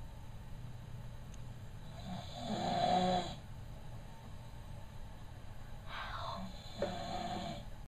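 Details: Snoring during sleep: two loud rattling snores on inhalation, a few seconds apart, over steady room hum.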